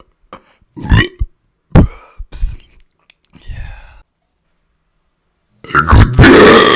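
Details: Burping after drinking mineral water: several short, deep belches in a row, then a pause and a longer, loud, rough burp; burping.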